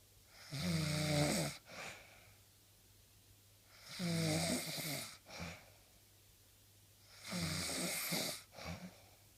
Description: Snoring/ sweet revenge/ phahaha!